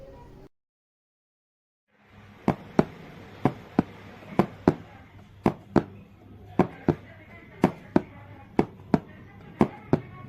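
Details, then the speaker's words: Imitation made with a cardboard box of normal heart sounds with S2 splitting: sharp paired taps, a steady lub-dub at about 60 per minute. "heart sounds and murmurs were produced with the cardboard box normal heart sounds and S2"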